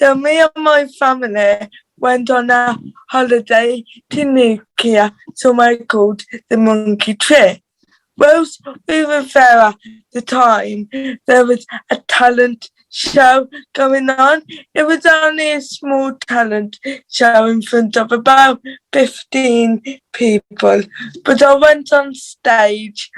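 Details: Dysarthria due to cerebral palsy in a teenage girl from England's Black Country, who reports her cerebral palsy voice is harder to understand and that she needs time to get words out.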